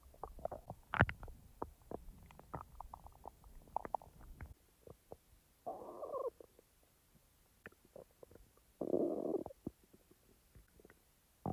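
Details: Person's own stomach sounds, recorded and edited rather than in real time: scattered clicks and gurgles with a few longer rumbling growls between quiet gaps; normal bowel sounds.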